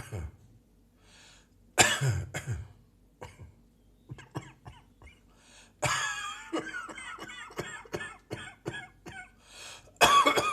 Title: More Morning Coughing